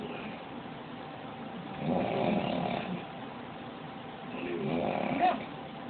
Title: Snoring(1)